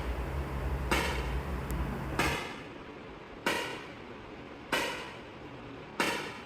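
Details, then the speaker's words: Extracorporeal shock wave lithotripsy on a patient with a right kidney stent and stones left after surgery. Shocks aimed first at one of two stones, a slightly posterior mid-pole stone; sharp, evenly spaced clicks about one per second over room hum. "दो पथरियों में से एक पथरी को पहले focus करते हैं। उसको कुछ शॉक लगाते हैं। तोड़ने की कोशिश करते हैं।"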